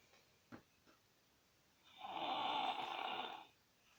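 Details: Toddler snoring in sleep: a soft click, then one drawn-out, rough, fluttering breath lasting about a second and a half.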